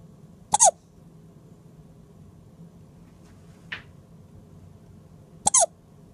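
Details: Two sharp, squeaky hiccups about five seconds apart in a quiet room, faint small sound between; hiccups in a 2-day-old baby boy.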